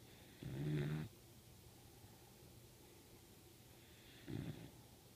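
Two soft, low snuffling snores a few seconds apart over a faint steady hum; a sleeping puppy snoring.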